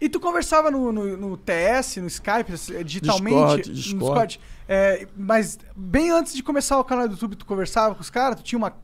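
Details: Adult male speaker; Normal speech.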